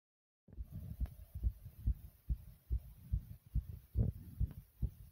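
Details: Person's own racing heartbeat: fast, regular thumps about 140 a minute that later slow to a normal pace, tachycardia.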